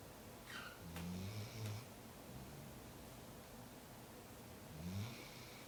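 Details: Labrador Tug lounging on the couch: soft, low snoring with faint snorts, partly masked by steady background noise; snoring.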